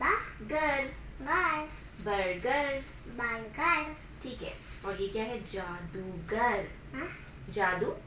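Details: Child with moderately severe hearing impairment in oral placement therapy, repeating a practice word; speech of a child with hearing impairment.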